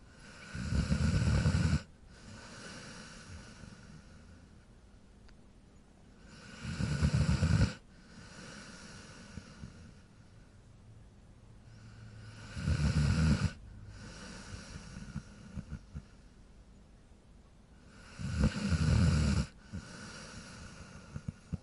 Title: Cute Dog Snore Sound